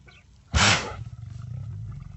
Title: Have you ever heard a Lion sneeze?